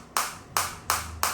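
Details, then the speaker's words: Four sharp, evenly spaced clicks over a faint hum: a focused (not radial) shockwave therapy unit (ESWT) firing on the hand area at intensity 10, with shots being counted. "right now I am getting very effective focus shockwave on the hand area, and this is the intensity 10."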